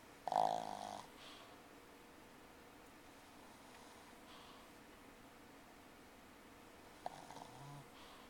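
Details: Pug snoring during an afternoon car ride: two rough, snorting snore breaths several seconds apart in a quiet setting, loud like a freight train.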